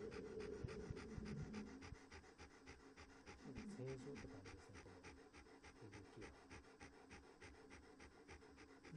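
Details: 11-year-old 31.3-kg male Standard Poodle after left arytenoid lateralization for laryngeal paralysis: rapid regular panting, about 220 breaths a minute, without harsh stridor.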